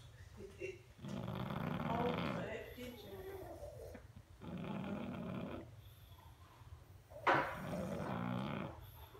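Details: Pug sleeping deeply: repeated loud, low, rattling, snuffling breaths in slow cycles; snoring.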